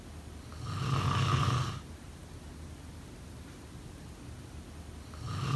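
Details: One loud, low, rattling snore on an in-breath, a quiet pause, then the next snore beginning; snoring during sleep, offered as a snoring sound effect.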